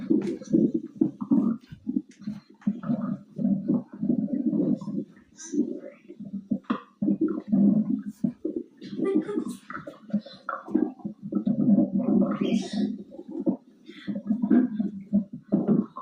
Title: stomach growling linggggg